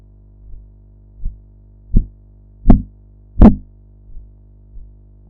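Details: Korotkoff sounds in blood pressure practice audio alongside a sphygmomanometer dial: regular low thumps that swell in loudness, then fade, amid some background noise.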